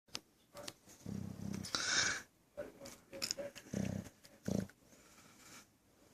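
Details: Sleeping bulldog snoring loudly: irregular snorting and snuffling breaths with short rumbling snores.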